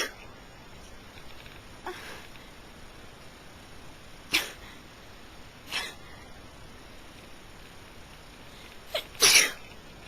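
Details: A run of about four or five sharp, explosive sneezes with quiet between them, the last the loudest, during a really bad allergy fit.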